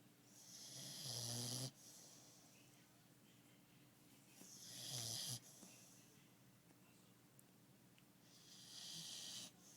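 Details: Female boxer dog snoring while asleep: three slow, rough, raspy noisy inhalations over about ten seconds with quiet pauses between, roughly 16 a minute.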